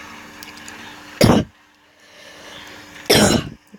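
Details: Two short, harsh cough bursts about two seconds apart against quiet room noise, described by the speaker as a silly cough; a plain cough.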